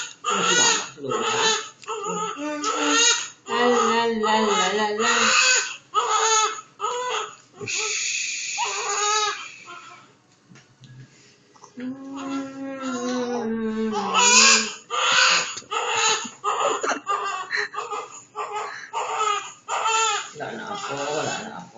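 Infant crying and whimpering in bursts, with an adult talking soothingly over it.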